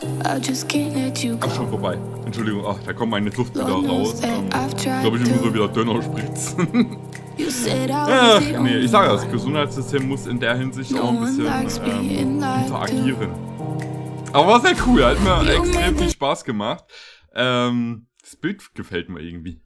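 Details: Adult male speaker; typical speech.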